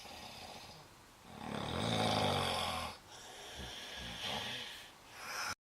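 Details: Walt snoring, with breathing of concern: loud, rough snoring on the in-breath, quieter rattling out-breath between snores; snoring.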